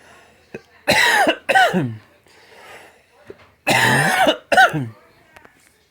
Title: SONIDO DE TOS SECA - TOS - PERSONA TOSIENDO - SOUNDS NATURAL